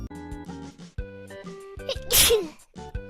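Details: Single sharp, explosive sneeze during a live stream, heard over background music.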